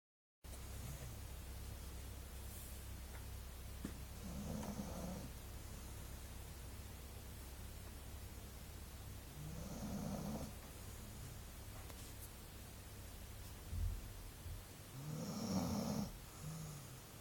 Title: Szeder (golden retriever) snores